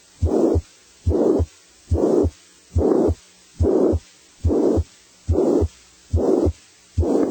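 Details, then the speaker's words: High-pitched heart murmur in a teaching example on murmur pitch: a regular heartbeat at about 71 a minute with a loud hissing murmur filling the gap between the heart sounds. "The pitch of murmurss is categorized as high,"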